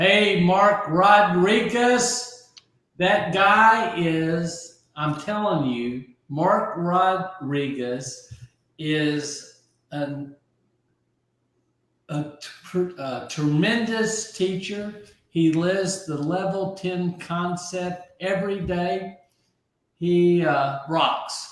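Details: Aphasia after a stroke about 15 months earlier; at first he could not be understood at all, and he has since relearned over 20,000 words.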